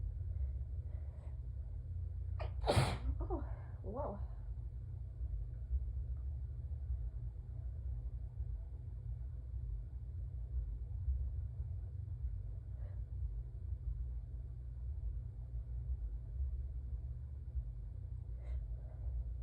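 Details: Allergic sneezing fit: one loud sneeze then a couple of softer catches over steady low rumble; sneezer had a peppermint in mouth and mentions a drop of blood while using paper towel and handkerchief.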